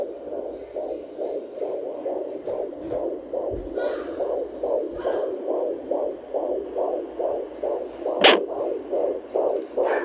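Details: Rapid, even whooshing pulses at about 140 a minute, heard through a home Doppler from a baby girl in the womb; fetal heartbeat.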